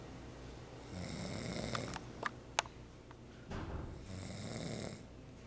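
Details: Sleeper snoring like a motorboat: two long rattling snores on the in-breath, about three seconds apart, with a few sharp clicks between them; plain snoring.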